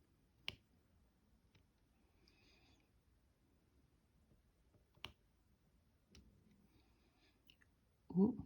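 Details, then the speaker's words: Adult's stomach gurgling (borborygmi) in a quiet room with a few clicks, ending in a short low rumbling gurgle; she wonders if she wants a coffee. "désolé si vous avez entendu mon ventre qui gargouille. Et gargouille le ventre."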